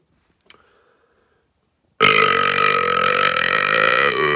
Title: Burps and pit smelling